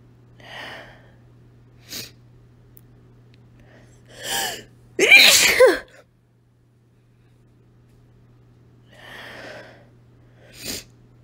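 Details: Woman sneezing repeatedly after deliberately taking deep inhales from a chili powder shaker: a series of sharp inhalations builds to one loud explosive sneeze, with smaller sneeze-like bursts around it, recorded on a phone.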